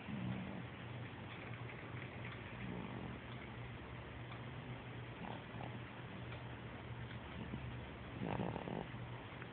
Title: Snores 4.18.11